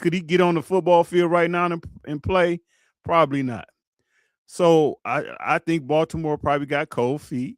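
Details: Adult man speaking; Normal voice.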